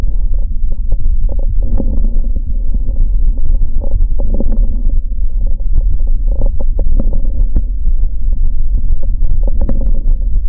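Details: Lung sounds recorded in a clinical setting through a stethoscope for an auscultation quiz: many brief popping clicks over low breath noise, crackles.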